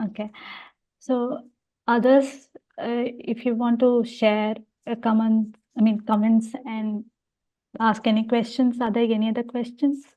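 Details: Adult woman speaking; host speech.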